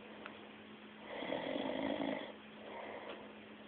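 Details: One slow, low, rough breath sound over steady room hum from a sleeping person recorded in 2007; snoring.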